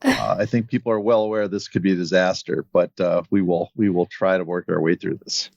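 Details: Adult male speaker; ordinary speech.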